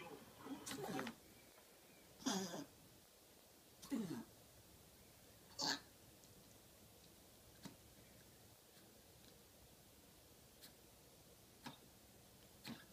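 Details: Chihuahua aged 13 years 9 months, diagnosed with mitral valve regurgitation 6.5 years ago and on medication, with attacks having stopped; about four short, harsh coughs that seem laboured; cough in mitral valve regurgitation.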